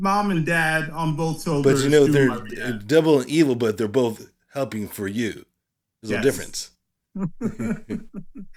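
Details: Aphasia in a male speaker who attends speech therapy every Monday.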